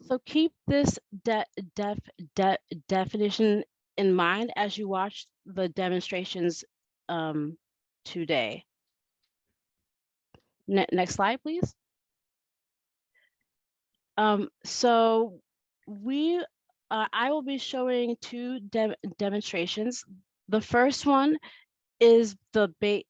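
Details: Adult woman who states she stutters and that it is heard throughout her presentation; stuttering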